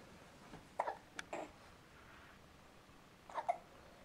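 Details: Infant hiccups: several small, abrupt, jerky gulping catches from a baby over faint background hiss.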